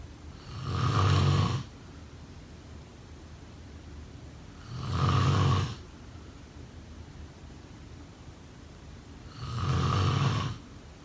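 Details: Low, rumbling snores during sleep with each in-breath, about every five seconds, over steady room hiss: snoring.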